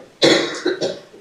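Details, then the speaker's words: Judge in a courtroom: one sharp, forceful cough burst followed by two smaller trailing coughs. "I came down with a pretty bad cough between yesterday and today. It's making this a little challenging. I apologize."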